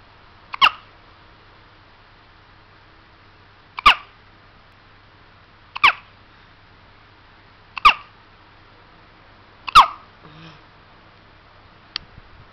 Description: 2 weeks old baby hiccup so cute + loud